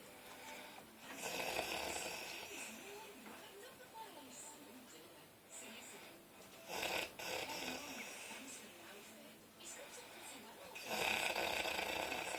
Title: My mum snoring